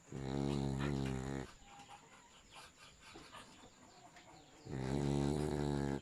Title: Dog Snoring